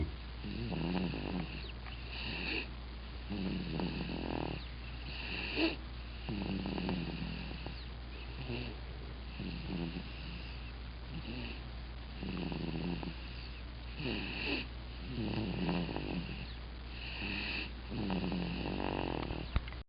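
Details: Baby asleep in a car seat, snoring loudly enough to hear across the room: soft rhythmic snoring with each breath, about 20 breaths a minute, over a steady low hum.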